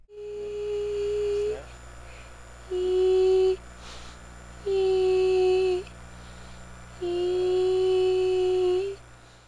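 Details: Laryngoscopic view of vocal cords coming together and vibrating for speech, shown in contrast to vocal cord dysfunction and laryngospasm. Normal phonation.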